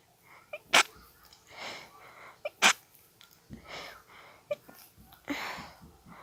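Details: Repeated short, sharp, muffled sneeze bursts with breaths between, from an adult with allergies trying to stifle an intense sneezing fit after a nose tickle.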